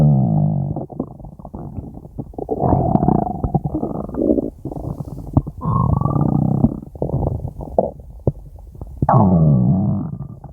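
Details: Prolonged active stomach growling (borborygmi): continuous loud, low gurgling and rumbling with rising and falling growls throughout, from a five-minute recording.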